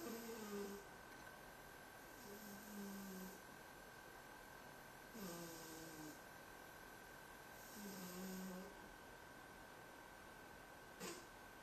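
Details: Overweight cat sleeping and snoring loudly: soft, regular snores every few seconds, about 4 in 11 seconds, over steady room hum.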